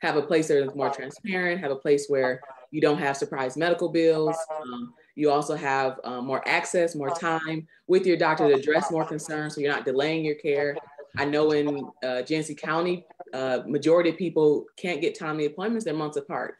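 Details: Adult male speaker; normal speech.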